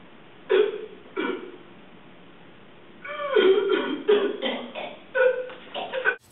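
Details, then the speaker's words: Acted cough in a classroom skit, where someone starts coughing and others follow. "two days later i was sitting in class and someone started coughing"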